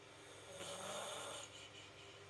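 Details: One rough, rattling snore on a breath in, over steady room noise; ordinary snoring.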